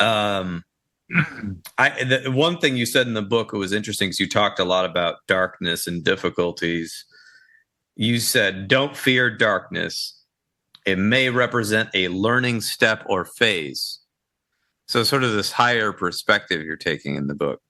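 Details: Adult male speaker; normal speech.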